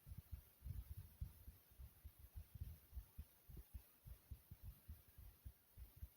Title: heartbeat sounds